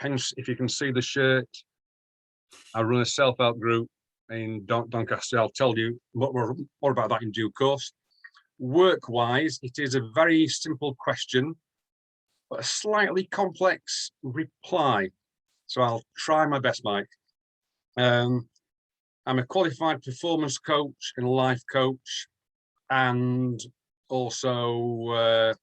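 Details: Adult man from the UK who stammers, more severely in the past and still at times, with blocks, repetitions and eyes closing or looking down; word repetitions heard; stuttering (stammering).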